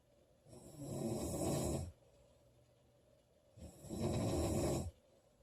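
Two long, loud, rough breaths with a quiet pause between them: heavy snoring during sleep.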